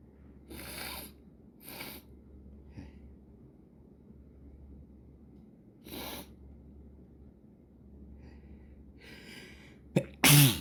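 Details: Three short explosive sneezes in quick succession, then a fourth a few seconds later, with faint breathing between; a morning sneezing fit before breakfast.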